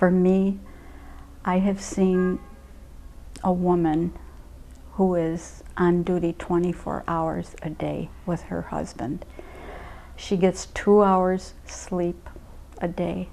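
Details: Adult speaker; typical speech.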